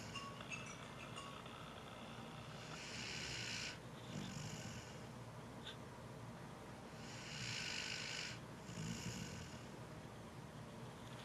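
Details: Deliberate imitation snoring by an awake person with a runny nose: two rough, hissy snore-like breaths about four seconds apart over steady background noise.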